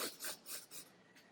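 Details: Quick, harsh, rasping breaths imitated by a person to mimic the noisy obstructed breathing of a Yorkshire terrier with tracheal collapse, the flattened trachea narrowing on each breath.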